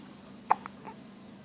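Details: A single short, sharp hiccup from a baby boy against quiet room noise, followed by faint softer sounds; hiccups.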